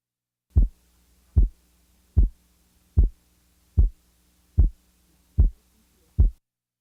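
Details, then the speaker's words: Simulated regular heartbeat at about 75/min, diaphragm chest piece at the left base: physiologic split second heart sound (aortic closure before pulmonic) with a very narrow 25 ms splitting interval. "The physiologic split second is heard best at base left with the diaphragm chest piece. The following example represents a second sound splitting interval of 25 milliseconds."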